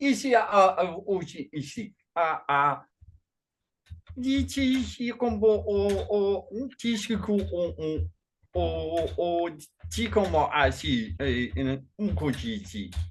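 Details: Man with functional neurological disorder and foreign accent syndrome, begun around 2019 alongside non-epileptic seizures, with an accent that varies (sounding Chinese today) and speech more jumbled with strong emotion, during a bout of gibberish; foreign accent syndrome with gibberish speech.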